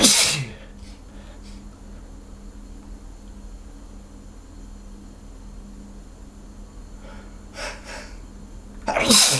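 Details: Sneezing by a hungover person just before a shower, from a nose tickle: two loud, sharp sneezes at the start and end, with quieter breaths between, over steady room hum.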